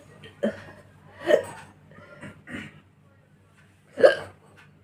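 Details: A person doing a hiccup and burp challenge: three sharp, abrupt voiced gulps about every one to three seconds, with softer sounds between, in a quiet room; hiccups.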